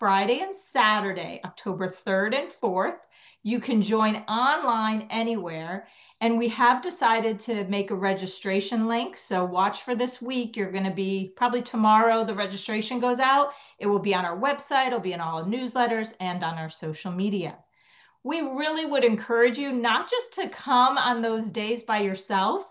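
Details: Adult woman; normal speech.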